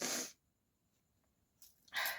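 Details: Deliberately provoked, not spontaneous, sneezing during a sneezing challenge, induced with a small piece of paper and no handkerchief: two sharp, hissing bursts of air separated by a brief quiet gap.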